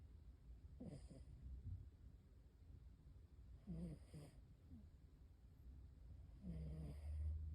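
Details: Ordinary snoring in a sleeping cat: low, rattling snores with each breath, spaced a few seconds apart.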